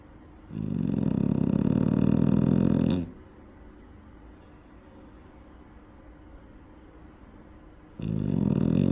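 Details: Eight-month-old female young dog sleeping near a safety barrier: a long, rumbling, fluttering snore, a quiet pause, then another snore beginning; loud snoring.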